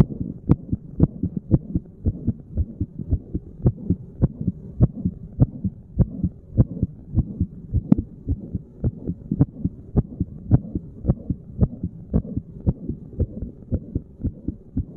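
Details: Resting heartbeat while sitting, self-recorded at one of various chest spots by a layperson: regular lub-dub at about 100 a minute with a low background hum; normal heart sounds.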